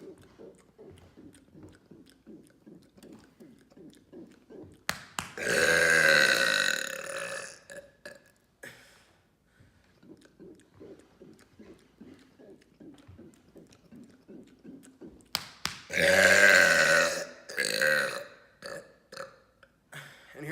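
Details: Deliberate loud burping: two long, loud burps, each about two seconds, with gulping and swallowing sounds between; voluntary belching.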